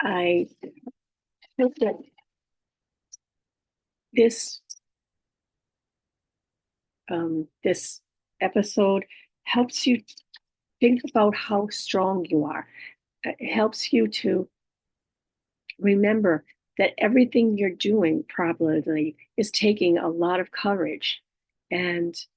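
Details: Adult female with aphasia, apraxia of speech and dysarthria after a stroke, with right-sided hemiparesis. Aphasia with apraxia of speech and dysarthria.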